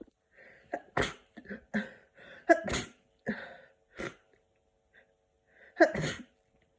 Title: Send me some tissues! Sick cold sneezing